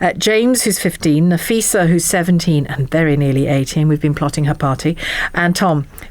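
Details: Adult woman speaking; fluent speech.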